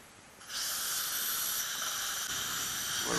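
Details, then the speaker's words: Live patient, flapless ceramic one-piece dental implant osteotomy in the upper right, healed sinus graft site: steady high hissing whine of the final 3.25 implant drill, running with water irrigation, before countersinking. "now we just go to our last drill which is a teenage 325 and then we do a countersink"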